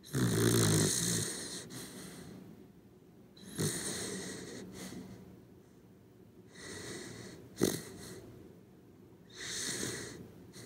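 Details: Sleeping corgi dog snoring: soft, rhythmic snoring with a whistling, wheezy edge and a few snorts, about four breaths in ten seconds.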